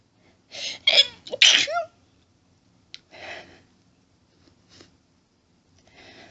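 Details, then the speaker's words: Acted hiding scenario with whispering: two to three quick, partly stifled sneezes in close succession, then softer breathy huffs. "Need to stop sneezing. Oh God, it tickles. It's so hard. Not to sneeze."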